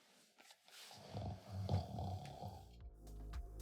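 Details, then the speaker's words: Moderate snoring played during a test of Ozlo Sleepbuds' noise masking, with severe snoring to follow. "So let's have a listen, see how it does with the moderate snoring, and then we'll try with severe snoring."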